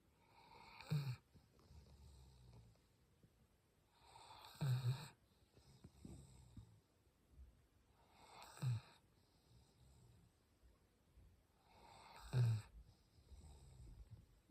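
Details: Sleeping female Goldendoodle snoring with a ball in her mouth: loud, regular snores, about four in fifteen seconds, with quiet breathing between.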